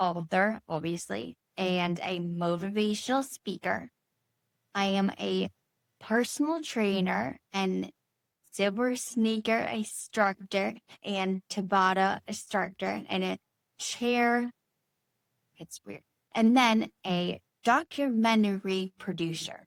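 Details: Woman, stroke survivor nine years into recovery after surgery, with Broca's aphasia and apraxia of speech; Broca's aphasia with apraxia of speech.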